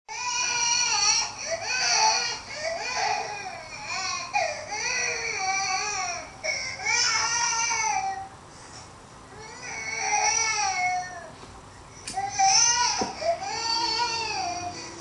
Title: Drexel listening to baby cry